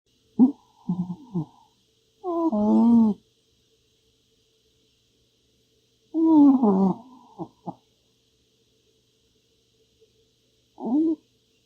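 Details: Several short, warbling murmurs and moans at irregular intervals from a female cat while asleep; harmless sleep vocalizing.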